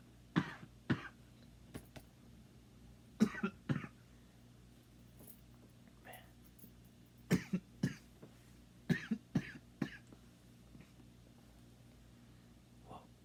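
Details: About a dozen deliberate short coughs in pairs and small clusters over thirteen seconds in a quiet room, performed for coughing fans.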